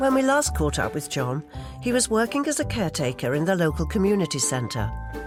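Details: Adult narrator; ordinary fluent speech.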